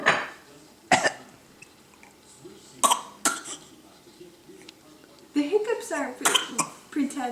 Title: Fake cough with hiccups